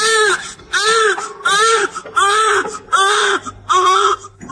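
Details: Newborn girl, 3,140 grams, just delivered by C-section, crying in strong, rhythmic bursts, about six cries in under five seconds, with a clear high pitch.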